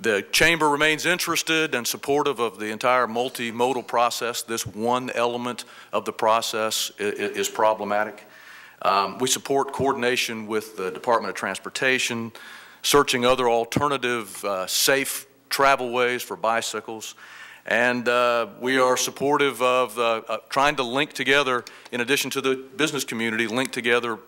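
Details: Adult woman who states she has a vocal tremor, speaking at a public hearing; vocal tremor.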